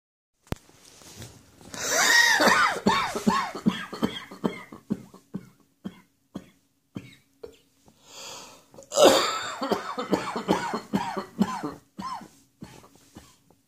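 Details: Spring allergy cough in an adult: two long bouts of repeated dry, hacking, irritative coughs.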